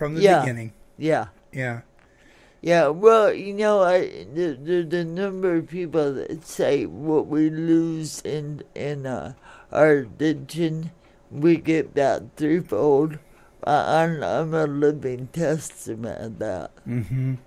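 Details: Adult woman born in 1959 with lifelong cerebral palsy affecting her speech and motor skills, which she attributes to oxygen being cut off to her brain during delivery; some listeners have difficulty understanding her; dysarthria (cerebral palsy).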